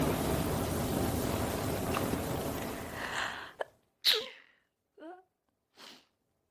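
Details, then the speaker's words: AI-generated (Sora 2) simulated sneezing compilation: after room noise, a run of about four quick sneezes in a row, each a sharp burst of air. "あ、へっち、すごい出た。あ、また、へっち、はあ、あっち。ごめんね。すごいの出ちゃった。"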